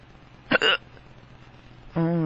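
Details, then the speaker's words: Drunk adult man with powerful hiccups that hurt his tummy: one abrupt, voiced hiccup with a sharp catch of breath, followed shortly by the start of a vowel sound. "Oh. I'm drunk. Oh. My hiccups sound weird."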